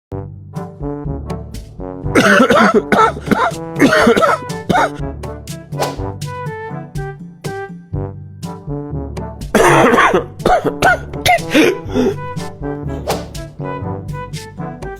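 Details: Acted adult coughing in short harsh bursts over steady background music, portraying a cough that has not cleared for about two weeks.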